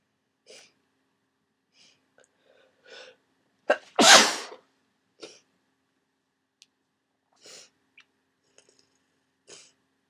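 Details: Loud, wet sneeze amid sniffs and breathy sounds in a quiet room, during a head cold with swollen sinuses and worsening symptoms; some stuck sneezes were deliberately induced.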